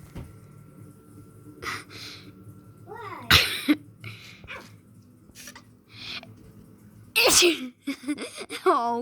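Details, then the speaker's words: A sudden loud human sneeze in a quiet room, followed by short electronic chirps and brief speech as a Vector robot reacts; sneezing. "Oh, Will, for that. I sneezed."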